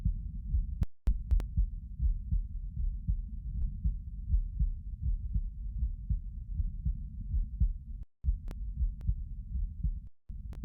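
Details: Heartbeat recorded lying down: deep, muffled thump-thump heartbeats at about 79 beats a minute, with a few faint clicks of handling noise.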